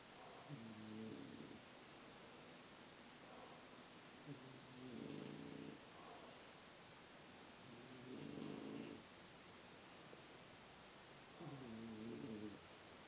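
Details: Sleeping bulldog: slow, regular rumbling snores about 18 a minute over steady room hiss, going on all night; snoring.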